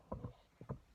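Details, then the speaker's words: Snoring-like snorts and odd snuffling noises from a dog with breathing problems who struggles to breathe, heard as two quick pairs: noisy snorting breathing. "Enfin en fait il a des problèmes respiratoires, et du coup bah genre si vous entendez un peu ronfler, genre des bruits chelous, c'est mon chien qui n'arrive pas beaucoup à respirer,"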